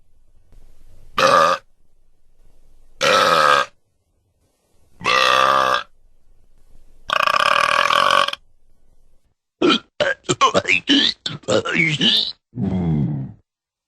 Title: Burp Sound Effects 🗣️ 🔊